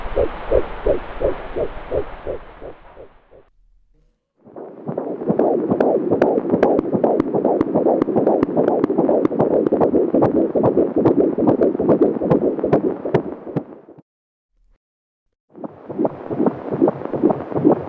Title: Neeva Baby - Fetal Heartbeat Sounds